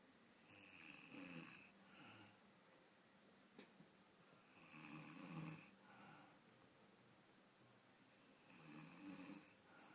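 Three soft, rough snoring breaths about four seconds apart, roughly 15 a minute, in a quiet room: snoring during sleep.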